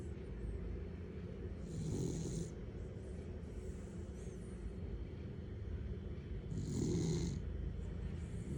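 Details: Two soft snuffling snores about five seconds apart over a steady background hum; light snoring in a sleeping cat named Bell.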